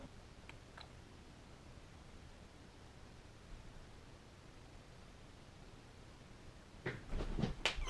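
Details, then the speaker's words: An adult's knee cracking in a quiet room: a quick cluster of sharp pops and clicks, joint crepitus. "Oh yeah, baby. Did you hear that? The sound of my knee cracking."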